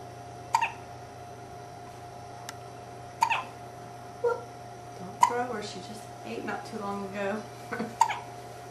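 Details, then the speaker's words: Hiccups: five short, abrupt hiccup sounds at irregular intervals, with soft talking and steady room hum in the background; hiccups. "Good to know hiccups. Hiccups are so unfun. Got those hiccups."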